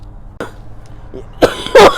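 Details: A sick adult who feels close to passing out with each cough: a faint throat sound, then two harsh, forceful coughs close together.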